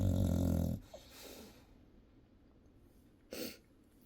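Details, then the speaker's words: A sleeping English Bulldog gives a loud, low, rumbling snore, then quiet, then a brief breathy snort; dog snoring. "I'm sorry but people are wondering what the snoring is all about"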